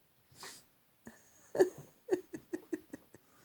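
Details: A cross Staffie dog reverse sneezing: a quick run of several short, sharp snorting inhalations, with faint laughter in the background.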